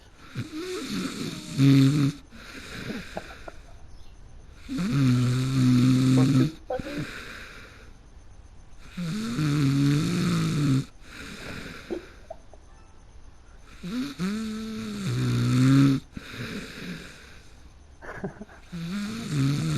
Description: I slept mid-game and you know the rest